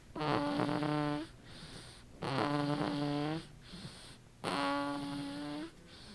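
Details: Loud, tonal, buzzing snores on each in-breath with quieter rough out-breaths between, about 29 breaths a minute; snoring.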